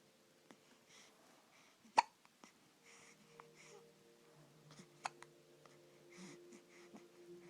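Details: Hiccups: a few sharp, brief hiccup clicks at irregular intervals, with faint background voices.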